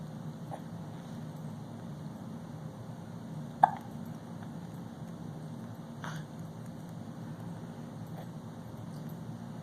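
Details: Almost 5-month-old infant sitting in a Bumbo seat: soft, brief catching sounds at irregular intervals over steady room hum. Infant hiccups.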